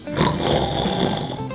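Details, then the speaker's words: Snoring with the airway still partly open, the ordinary snoring sound before narrowing worsens into throat snoring, hypopnea and apnea. "이런 코골이 소리가 나타납니다."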